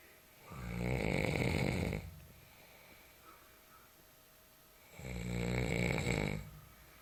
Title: Snoring in the night